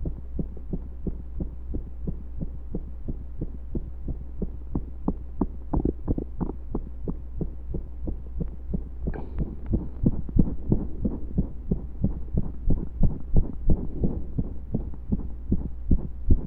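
Muffled heartbeat over a steady low hum, with occasional pauses where a beat is skipped; irregular rhythm from dropped beats.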